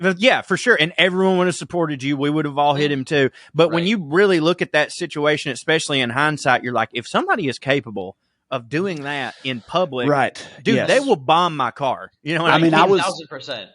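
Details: Adult man; normal speech.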